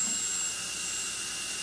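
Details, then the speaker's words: Dental high-speed handpiece on a new dental cart run via foot pedal with water toggle on, air around 20–25 psi: steady high-pitched whine with a faint hiss of water spray. "now for adjusting our water on our high-speed would turn that toggle on stepping out on the foot pedal"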